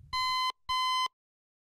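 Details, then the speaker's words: Two steady half-second electronic beeps from a bed pressure-pad fall alarm, tested by pinching then releasing the pad so that pressure leaves it. "The alarm light will be activated when pressure has been released from the pad and the alarm will sound."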